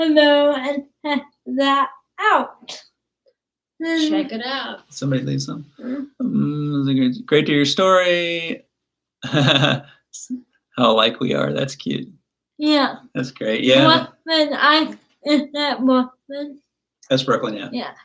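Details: Adult speaker; typical speech.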